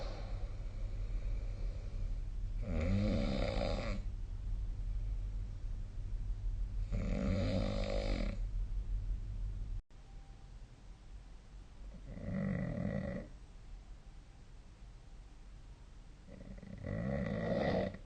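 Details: Four loud rattling snores during sleep, one on each inhalation roughly every four to five seconds, over a low steady room hum.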